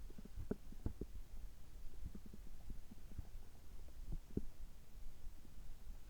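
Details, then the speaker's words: Bowel sounds recorded right after an upper endoscopy (gastroscopy) at a health check with normal results: soft, irregular low gurgles and rumbles from the belly. "ちょっと声が変ですけども、胃カメラ直後の、えお腹の音、胃の様子を聞いていただければ嬉しいです。"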